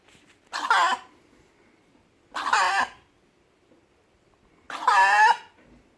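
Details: Chicken gives three short, sharp, slightly squawking sneeze-like bursts a couple of seconds apart; owner suspects something stuck in its throat.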